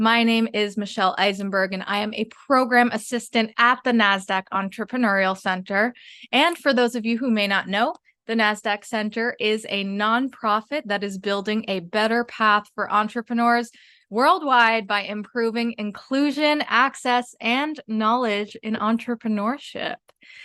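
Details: Adult woman speaking; ordinary speech.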